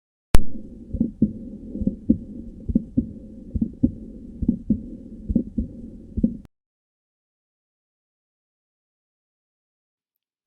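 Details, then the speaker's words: Regular heartbeat near 67 a minute with a doubled first heart sound, from a teaching example. Causes given: bundle branch block, ventricular hypertrophy, weak ventricular contraction, or unequal ventricular filling. Split first heart sound. "это может быть из-за блокады одной из ножек пучка гиса гипертрофия одного из желудочков значительном ослабление сократительной функции одного из желудочков либо из-за разного диастолического наполнения желудочков давайте послушаем как звучит раздвоение 1 тонна"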